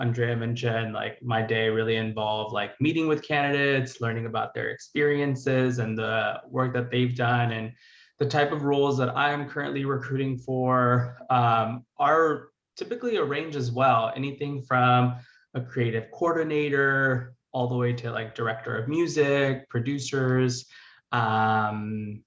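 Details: Adult speaker; normal voice.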